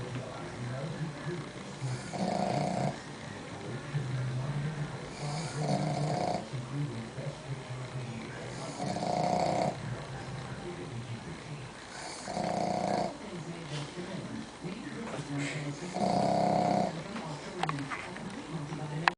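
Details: Pug snoring: regular rasping snores about every 3.5 seconds, about 17 breaths a minute, with noisy breathing between them; snoring in a flat-faced dog.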